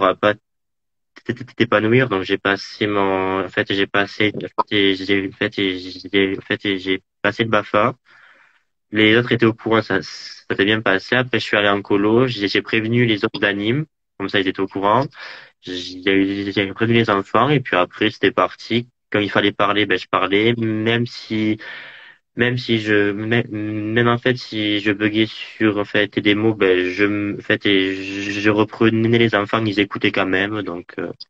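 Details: Adult male speaker; stuttering.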